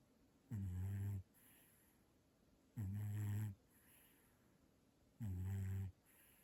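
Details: Sleeping cat snoring: three low, rumbling snores at about 25 per minute with quiet breathing between them.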